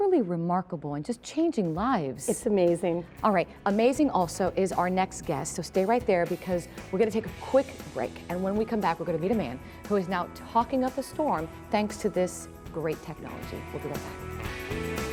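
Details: Adult woman speaking; normal speech.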